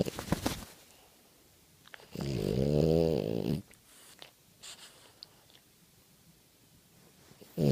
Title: Frenchie Snoring